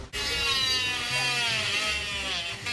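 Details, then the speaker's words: Oscillating cast saw removing a plaster cast from a patient who broke an ankle playing rugby, in a hospital trauma clinic: loud, high-pitched buzzing whine as the blade cuts plaster, said not to harm soft skin. "Pour retirer le plâtre, il faut une scie, mais pas n'importe laquelle. Regardez-moi ça. Cette scie est capable de distinguer entre les choses dures et molles."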